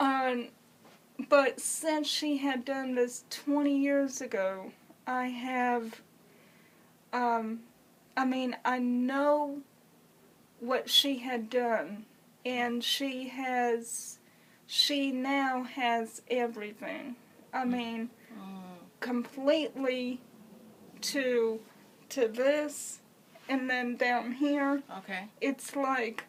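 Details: Woman with congenital cerebral palsy who has used a wheelchair since early childhood; dysarthria (cerebral palsy).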